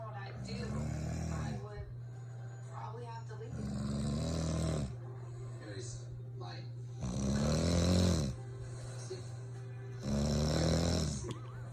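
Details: Loud, rough rattling snores about every four seconds from a woman (wife) snoring all night, over a low room hum with background music or voices: snoring.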